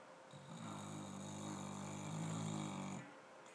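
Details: Gracey, a dog, snuggling while asleep: one long, low, rumbling snore with a soft steady tone; ordinary snoring.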